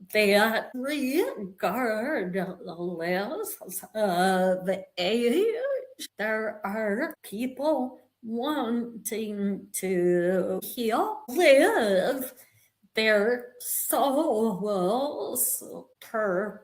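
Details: Vocal tremor in an adult woman, real, which the description attributes to over five decades of narcissistic abuse and trauma, beginning at age five, affecting her body and nervous system.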